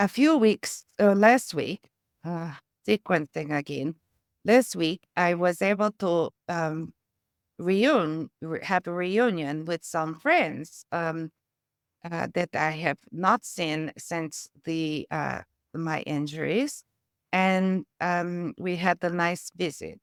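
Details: Adult woman, a former trained choir singer, with aphasia, apraxia of speech and foreign accent syndrome from a brain injury, who uses singing and music strategies in her speech therapy.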